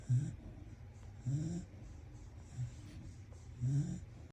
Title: Hilik yarn 😂 #pagodmagpadede #snoring #dog #doglovers #shortsvideo